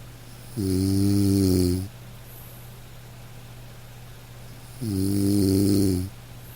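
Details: Sleeping dog: two slow, soft, rumbling snores separated by a few quiet seconds over steady hiss of light rain; ordinary snoring.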